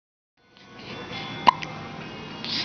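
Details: Hiccups in a girl, a single sharp hiccup click heard over background music.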